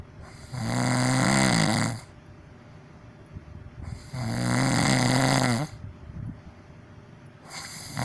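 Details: Deliberately exaggerated snoring for an ASMR video: two long, loud, rattling inward snores about four seconds apart, with quiet breathing out between them.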